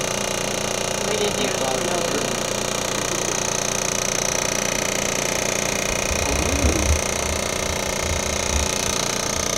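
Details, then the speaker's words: Handheld vibration device applied to the calf of a woman after total hip replacement, preparing tissue before radial shockwave; loud continuous rapid buzzing hum with brief quiet voices. "Um this won't really feel like anything. Just kind of like vibrations."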